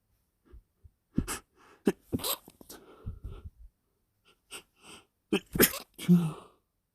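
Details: Wet, somewhat forceful sneezing fit after sniffing chhinkni (snuff): several sharp, wet sneezes in quick succession with snorting breaths between them.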